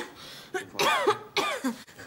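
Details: Woman with a cold in a German TV drama scene: two short, voiced coughs with a throat-clearing quality; ordinary cough.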